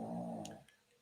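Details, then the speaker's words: Snoring from a sleeping dog named Cookie, picked up in the background of a podcast: a single low, rough, rumbling snore that fades within a second. "that noise you hear in the background is cookie snoring her head off since the start of this podcast"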